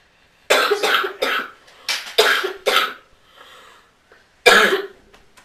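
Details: A coughing fit of about seven harsh coughs in two runs with a softer breath between, from a smoker who then asks for an inhaler.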